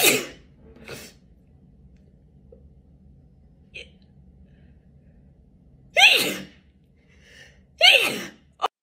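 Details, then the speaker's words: Girl doing a COVID-19 nasal self-swab test: several loud, sharp sneezes with short breaths between them over a faint background hum, from nasal swab irritation; sneezing after swabbing. "okay um thank you i just sneezed twice hold on"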